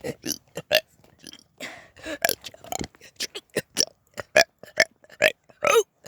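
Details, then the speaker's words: Deliberate burping of the alphabet done for fun: a rapid run of short belches shaped into letter sounds; burping. "Since you absolutely loved the last two burping the alphabet videos with the funny dance, I am doing a third one."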